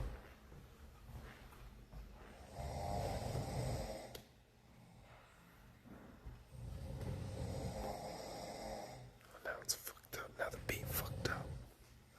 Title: When the night shift turns into a snoring contest 😂